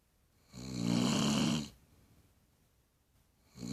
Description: I WENT INTO MY MOMS ROOM BECAUSE I WOKE UP AND HEARD SOMEOME SNORING , I THOUGHT IT WAS MY DAD BUT NOPE! IT WAS MY MOM!